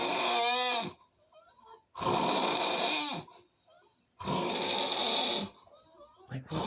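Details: Snoring: loud, harsh rattling snores on each breath in, about three in under seven seconds, with quiet gaps between.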